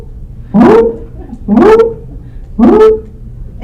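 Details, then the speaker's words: Lecturer's vocal imitation of an aortic stenosis murmur: three rising, harsh whooshes about once a second; a harsh systolic ejection murmur at the second right intercostal space, transmitted to the neck, covering the heart sounds. "it's a harsh systolic ejection murmur in the second right intercostal space"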